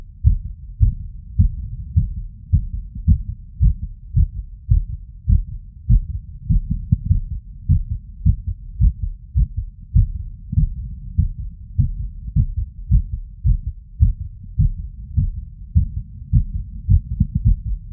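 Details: Heartbeat auscultated over the tricuspid valve area with the stethoscope membrane after physical exertion, showing an irregular heart rhythm (arrhythmia).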